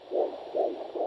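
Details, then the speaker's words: Handheld graphical fetal Doppler during intermittent auscultation in pregnancy: rhythmic soft swooshing pulses about two per second, a whooshing flow pattern from vessels rather than valve clicks; a very slow flow would indicate a maternal vessel. Fetal Doppler vessel flow sound. "a shoe fall I call it and it's vessels but if it is very slow that means it's a maternal vessel that's slow what also has a flow pattern"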